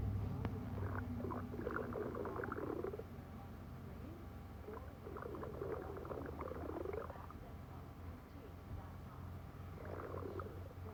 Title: Me having stomach growls